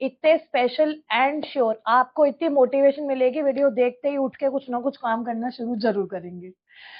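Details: Adult woman speaker; Typical speech.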